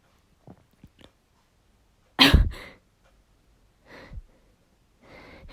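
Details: Female sneezing: a quiet build-up of small hitching breaths, then one forceful sneeze followed by softer breathing. The sneezes were being induced, and the recording is part of a mix of stifled, quiet and loud sneezes.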